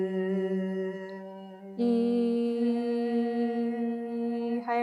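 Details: Male singer recovering from repeated colds, day two of antibiotics and steroids, asthma flaring; high sustained 'e' with scope in, tongue held out; tiny fold-edge fullness, shrunk since 2023, good vibration, full closure; sustained vowel phonation during laryngeal stroboscopy.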